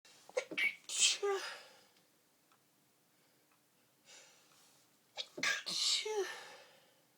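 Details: Early-morning sneezing attack while putting clothes together: two loud bursts of sneezing, each a sharp inhaled build-up then an explosive release, a few seconds of quiet between.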